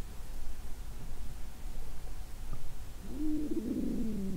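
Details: Adult woman's abdomen after a heavy Christmas dinner with wine that followed a 22-hour fast, period due that day: low steady rumbling, then a drawn-out wavering gurgle near the end, normal bowel sounds (borborygmi).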